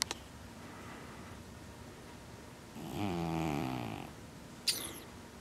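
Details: A single rattling, low snore about a second long, then quiet breathing and a brief click; snoring.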